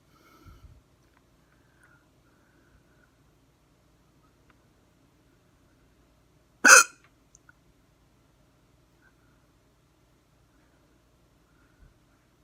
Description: Hard hiccups, camera focused on the neck as requested :)